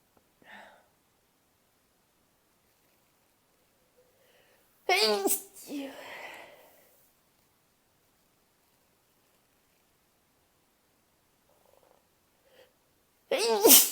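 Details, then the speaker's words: Two sharp morning sneezes from a female, each with a brief inhaled build-up and quiet between them; she has sneezed about four times in roughly two hours since waking. "Hi, I've been up for like 2-ish hours and I've sneezed like 4 times."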